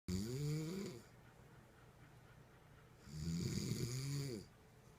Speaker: I'm not sure if the snoring device is actually working. I'm not sure.